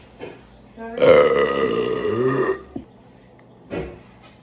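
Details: Burp after chugging a Monster Ultra Fiesta Mango zero-sugar energy drink: a long, loud, rumbling belch of about one and a half seconds, with faint voice sounds around it.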